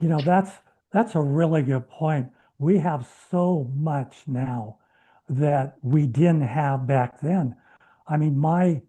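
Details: Adult man who has stuttered all his life, speaking with a speech plan of deliberate short stops, three months into a treatment program and reporting no stuttering since; treated stuttering with fluency technique.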